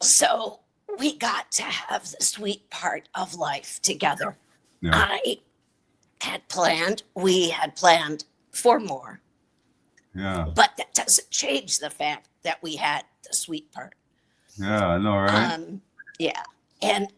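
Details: Dysphonia in an adult woman with a chronic voice disorder.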